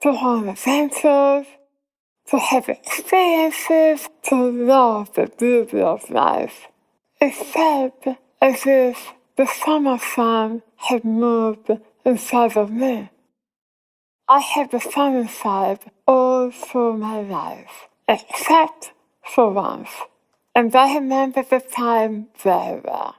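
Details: Adult woman whose tongue was removed for squamous cell cancer and reconstructed with abdominal muscle; her speech became hard to understand afterwards; articulation impairment after glossectomy.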